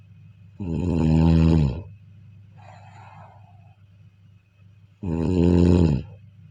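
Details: Two loud, drawn-out rattling snores on inhalation with a quiet breath out between them, recorded during sleep: ordinary snoring.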